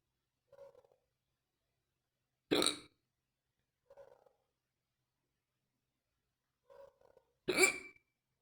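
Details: Quiet intake sounds, then two sharp, loud hiccups a few seconds apart in a quiet room; described as painful, fast and deep hiccups.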